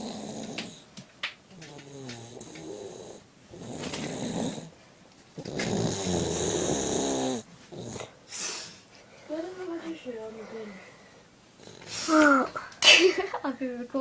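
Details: Irregular rough, rattling breathing during sleep, some snores with a tonal, whistling edge; snoring.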